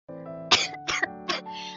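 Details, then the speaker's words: Three short, sharp, dry-sounding coughs in a quick run from a girl during a live stream, over steady background music; she apologizes for coughing. "오랜만에 방송 켰는데 이렇게 콜록콜록 해도 되는 거냐고 아 미안하네"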